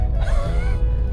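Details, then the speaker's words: Wheezing heard through a stethoscope on the chest: high-pitched, musical, whistle-like breath sound over heavy low rumble, from inflamed, narrowed airways as in asthma. "bunyi fluid atau seperti bunyi kucing Saat bernapas itu berarti ada peradangan dan ada saluran udara yang menyempit sehingga menghasilkan bunyi yang bernada Tinggi oke"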